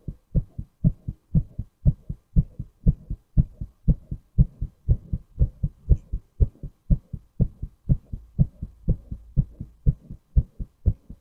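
Steady, regular heartbeat with clear paired thumps at about 60 beats a minute.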